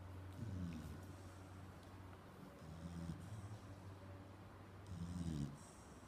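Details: Sleeping pig snoring: three deep, rumbling, grunting snores about every two to three seconds, with quiet breathing between.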